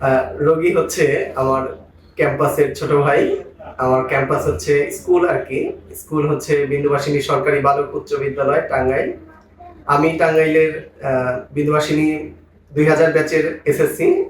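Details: Adult man speaking; normal speech.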